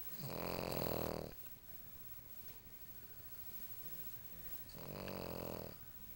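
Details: Loud snoring from Lucy, a tired pug.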